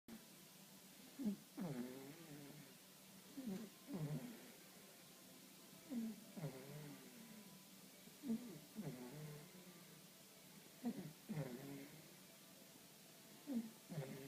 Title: Jasper passed out snoring